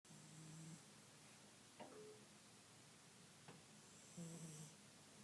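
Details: Soft, low, buzzing snores on two breaths with faint clicks between them, over a steady background hiss: snoring.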